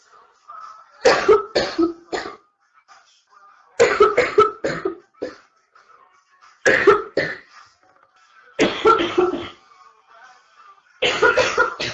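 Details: Young woman coughing through a livestream in the early stages of what becomes a severe chest cold: five bouts of repeated harsh coughing, about fifteen coughs, faint background tone.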